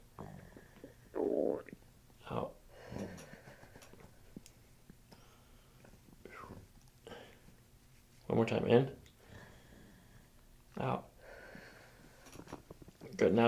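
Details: Abdominal gut sounds during a chiropractic session while the patient takes belly breaths; several loud gurgling and squelching bursts, separated by quiet stretches with faint breathing; borborygmi.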